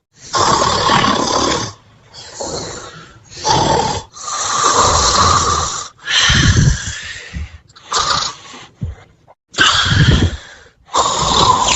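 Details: Snoring while dozing in a pink heart-patterned bed: loud, rough snorting snores with noisy, congested, irregular breaths in and out during sleep.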